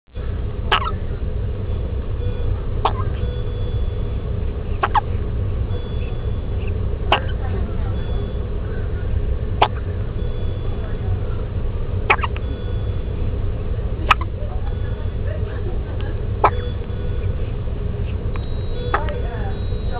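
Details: Premature infant girl who worked herself up into hiccups: regular brief soft hics, about nine in twenty seconds, over steady low rumbling background noise; hiccups.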